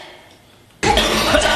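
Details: Single short, forceful acted cough after quiet room sound, in an Indonesian comedy skit contrasting how Indonesians and foreigners cough; just before, someone asks if the child is okay and needs a doctor.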